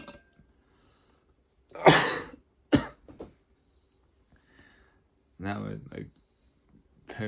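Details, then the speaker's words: Coughing in a patient with dexamethasone-induced hiccups after treatment, after swallowing water during a hiccup: a few harsh cough bursts separated by quiet gaps, then a brief voiced sound. "timed I like swallowed during a hiccup and not not not good"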